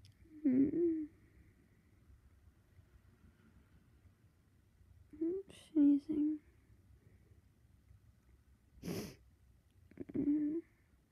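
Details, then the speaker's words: Adult half-asleep after taking sleep medication, sneezing after deliberately tickling the nose: several short explosive voiced bursts with sharp exhalations, about five in ten seconds, in a quiet room; repeated big sneezes. "Big sneeze. Big. I keep sneezing. I'm tired. I sneeze."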